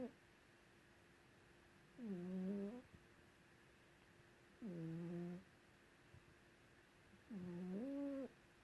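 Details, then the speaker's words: Female cat asleep under a white blanket, snoring: three long, loud, rumbling snores with a voiced, whining edge, about one every 2.7 seconds, over room hum. The snoring is often audible from another room. "Lulu is snoring, and I'm going to try and capture it."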